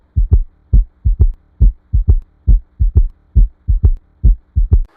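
Regular triple heart rhythm near 68 a minute, an extra low thud giving a gallop consistent with S3.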